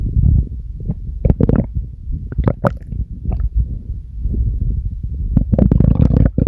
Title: Stomach growls on command !🌼